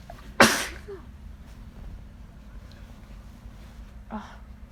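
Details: One loud, sudden, wet sneeze that was deliberately induced with something new, followed by a quiet pause and a soft sniff or breath: a wet sneeze.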